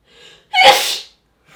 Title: sneezing 3 (Sample, High Quality)